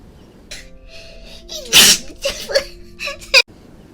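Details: A sharp, loud, hissing sneeze burst, then a few smaller voiced sounds, over soft background music: a sneeze from a VTuber.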